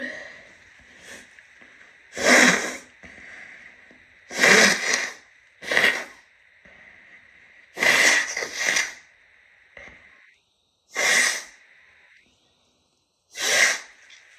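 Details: About eight loud, hissing sneezes spread over fourteen seconds, mixed with sniffling and nose-blowing over a steady room hum; the sneezer's shirt and hands end up soaked; repeated sneezing.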